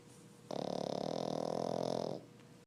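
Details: Snoring: a single fluttering, buzzing breath lasting under two seconds, quiet before and after.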